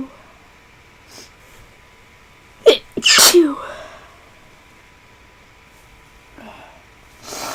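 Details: Feverish person, unwell and getting worse, with a tickly nose: a sharp sneeze with a quick inhaled catch, then a loud burst and trailing exhale in a quiet room.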